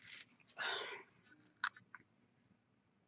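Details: Barking cough from a cold, described as a really bad cough.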